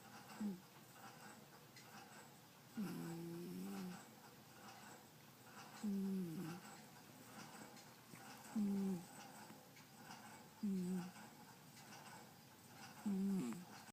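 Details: Sleeping cat; repeated nasal, whistling snores about every two to three seconds, roughly 25 per minute, in a quiet room: snoring.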